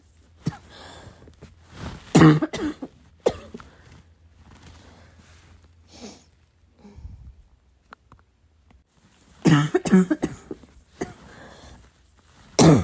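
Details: Several harsh cough bursts with throat clearing, spaced by quiet pauses; a repeated adult cough that kept the person awake the previous night.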